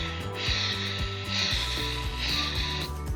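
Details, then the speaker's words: Simulated heart sounds at about 66 beats a minute with a harsh, machinery-like murmur heard through systole and diastole that never stops: continuous murmur of patent ductus arteriosus, flow from aorta to pulmonary artery. "y que no es lo mismo que hablar de un soplo continuo donde tenemos la arteria aorta que va por aquí el arco y se conecta a través de la pulmonar a través de una persistencia del conducto arterioso y se escucha tanto en la asiste y diástole pero nunca se deja de escuchar"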